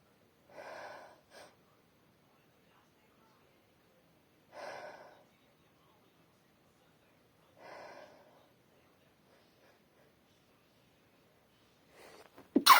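Three brief, moist sneezes into a tissue, spaced a few seconds apart, then a rustle at the end.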